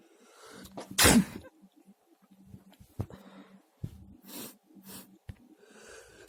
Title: Varied sneezes 🤧